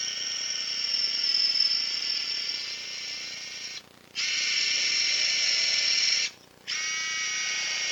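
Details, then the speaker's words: Surgical power drill boring an 8 mm tibial tunnel over a guide wire during left knee ACL reconstruction with a quadrupled hamstring graft; high-pitched whine in bursts with brief stops until it breaks through. "okay and so now we're gonna drill"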